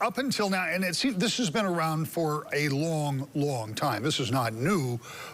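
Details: Adult male speaker; Normal fluent speech.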